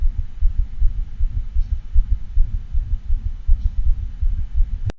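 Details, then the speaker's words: Dog with patent ductus arteriosus (later ACDO-occluded): fast heartbeat under a continuous rumbling murmur that can be missed without careful auscultation. "but this is a continuous murmur and it can be missed if you're not a sculpting closely enough"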